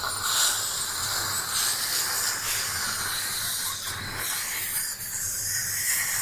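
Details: Continuous airy hissing and gurgling of dental suction drawing water from a young girl's mouth during teeth cleaning with a water spray; she has a tooth hole that hurts with sweets.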